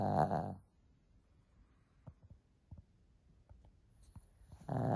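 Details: Two loud, rattling snores from a sleeping Shih Tzu dog, one at each end, with quiet breathing and faint clicks between them: loud snoring.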